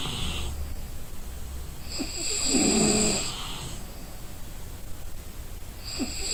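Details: Rough, rattling snore on a long breath with a whistling edge, then quieter noisy breathing, from a person sleeping while exhausted; ordinary sleep snoring.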